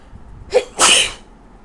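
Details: A quick in-breath then one sharp, loud, hissing sneeze at 3 a.m. from a person with a bad cold, reportedly while drunk, in Australia.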